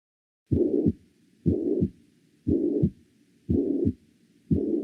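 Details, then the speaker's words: Systolic regurgitant murmur of mitral regurgitation, stethoscope placed slightly above the mitral focus: regular heartbeat about 59 a minute, each beat carrying a long, rough whooshing murmur filling systole. "No conseguí una imagen, digamos. Es un soplo sistólico de regurgitación."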